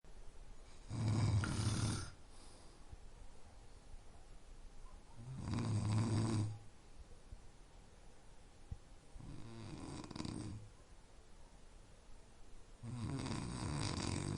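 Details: Four deep, rattling snores about four seconds apart, roughly fourteen breaths a minute, with quiet pauses between; ordinary sleep snoring presented as a sleep-inducing sound.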